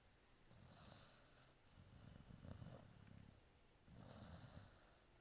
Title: 4.5 month old snoring english mastiff puppy